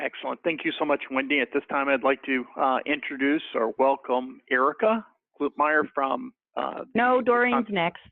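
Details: Adult man speaking; ordinary speech.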